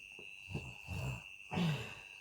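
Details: A friend snoring during sleep: low, rough fluttering breaths over a steady background hum, a vibrating rattle of snoring.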